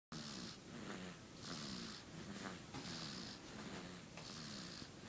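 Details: Sleeping baby snoring: rhythmic rasping snores on each breath, with low vibrating tones and breathy hiss, about 22 breath cycles per minute.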